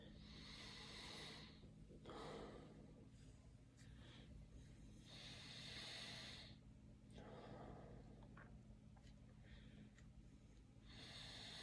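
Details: Stethoscope on the front of the chest, from apical areas toward the axillae and lower lobes, patient taking deep breaths: soft airy rushes over room hum; normal vesicular breathing.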